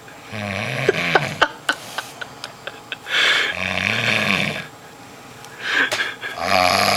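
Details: Man in deep sleep, unresponsive to a wet willy: loud, rough, rattling snores on each inward breath, with sharp clicks between them; heavy snoring.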